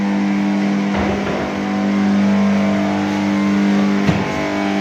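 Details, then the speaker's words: ECORAY high-frequency X-ray generator at power-on: loud steady electrical buzz with low hum from a faulty small starting magnetic contactor vibrating. "কি করে x-ray machine power on করার সঙ্গে সঙ্গে একটি bad পাওয়ার আসছে মেশিনের জেনারেটরের ভিতর থেকে ব্যাড আওয়াজ"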